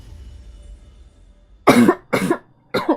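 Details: Three short, sharp coughs in quick succession after a quiet stretch, from a girl gaming; cough.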